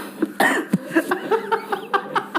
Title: Kompilasi BATUK 😂 part 1